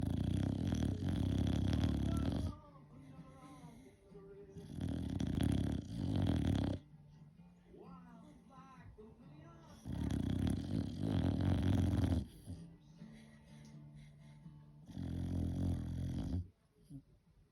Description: Mavis the Dandie Dinmont Terrier snoring!